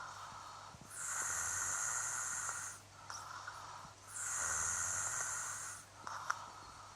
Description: My fiance snoring like a pig